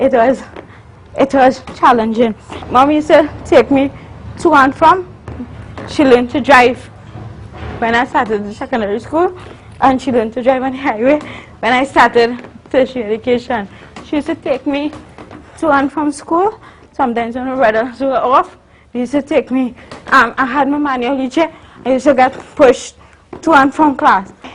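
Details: Adult woman, a university student born with cerebral palsy of the spastic and athetoid type (stiff muscles, uncontrollable movements), with dysarthric speech in cerebral palsy.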